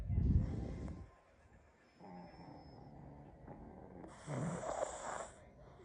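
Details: A sleeping pug gives rough, low snorting snores with noisy breathing between them; snoring typical of a flat-faced dog.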